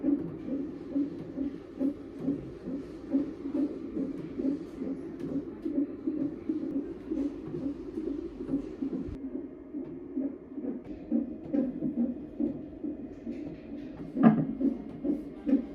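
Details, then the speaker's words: Fetal heartbeat on CTG non-stress test at 32–33 weeks of pregnancy, in Germany: rapid regular whooshing about 140 beats a minute, volume sounded quiet but doctor said machine volume differs; fetal heartbeat. "I told you that the baby's heart sounds a bit quiet But the doctor said it's just the volume for each machine is different adjusted"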